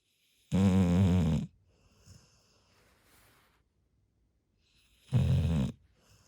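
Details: Large retriever dog asleep on a pillow, snoring loudly: two loud, low, rattling snores separated by quiet breathing; ordinary snoring.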